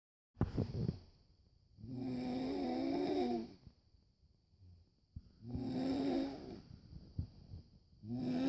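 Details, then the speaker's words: A man who denies snoring gives loud, rattling snores on each breath, about one every four seconds, with quiet gaps between them. Snoring. "What? You're snoring, dude. No, I'm"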